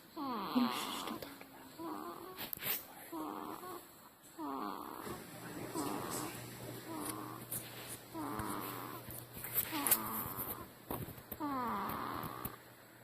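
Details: Baby snoring: loud, regular rattling snores with a hum in the background, about ten breaths in thirteen seconds, roughly 45 a minute.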